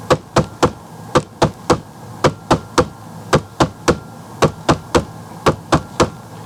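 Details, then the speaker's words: Simulated heart sounds in steady three-beat groups with an early diastolic third sound after S1 and S2: an S3 gallop, as in congestive heart failure, diastolic dysfunction or myocarditis. "That's how we hear the S3 sound when in abnormally or patholo- pathological uh uh uh ventricular disease we may found such as again congestive heart failure diastolic dysfunction."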